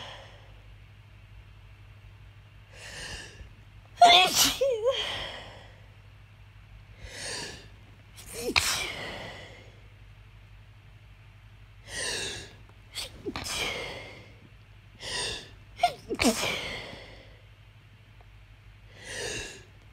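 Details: Morning sneezing after sleeping with windows open on a hot night: a run of several sneezes, each preceded by a sharp gasping inhalation, in a quiet room with a low hum.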